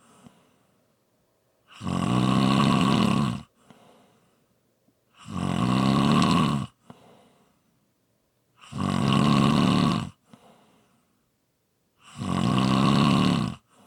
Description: ASMR Snoring Sounds. This is a quick 5 minute clip, followed by a long previously recorded clip